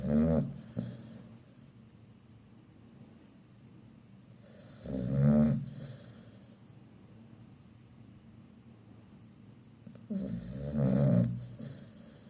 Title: Nomyen the pit bull is snoring ..หมานอนกรน